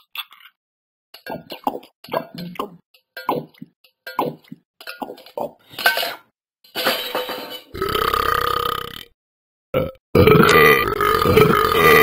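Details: A rapid run of short, low, throaty burps followed by longer drawn-out belches; burping.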